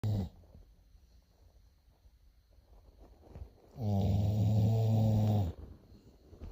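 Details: Sleeping Pitbull dog snoring: loud, low, buzzing snores, one at the start and a long one later, with quiet breathing between.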